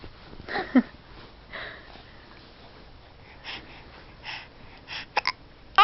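Several brief, abrupt catching sounds at irregular intervals in a quiet room, consistent with an infant's hiccups.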